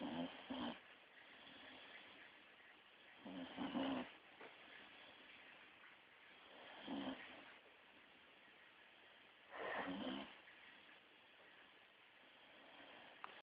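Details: Staffy pup snoring, quieter than usual: slow, rhythmic, rough fluttering noise with each breath, roughly 19 breaths a minute, over a quiet background.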